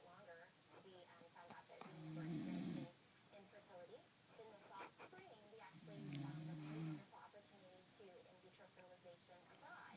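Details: Snoring.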